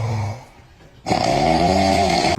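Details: A sleeping dog snoring: a quieter breath, then a loud, drawn-out, rattling snore.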